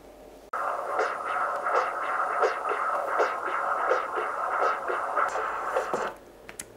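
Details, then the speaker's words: Continuous wave Doppler of peak aortic outflow velocity in a female dog with aortic regurgitation, subcostal (subxiphoid) view: rhythmic whooshing pulses about 85–90 a minute over steady hiss. "so I'm going to put my continuous wave beam straight down through the valve and here I have her Peak aortic velocity"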